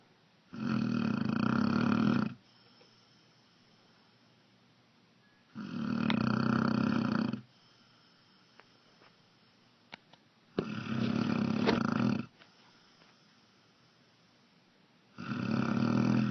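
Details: A sleeping tan-brown dog, recorded in the dark, gives deep, buzzing snores on each in-breath, about twelve a minute, with quiet pauses between; snoring.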